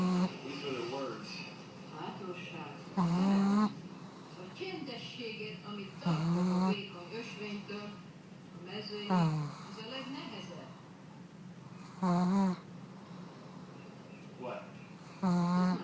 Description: Pug Taking a nap Snorring the time away